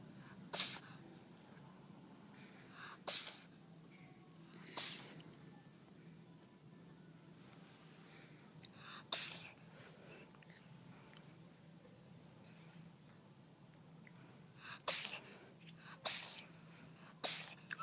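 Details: Seven short, sharp sneezes from a cat, spaced irregularly over about eighteen seconds, in a quiet room.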